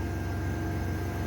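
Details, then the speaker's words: Continuous low buzzing rumble from very rapid oscillation, about 600 per minute: SLE 5000 neonatal ventilator in high-frequency oscillation (HFO) mode, test-run before connecting to a patient, breathing faster than CMV. "untuk tampilan hfonya adalah begini Jadi dia nafasnya itu lebih cepat dibandingkan mode ventilator cmp atau yang lainnya"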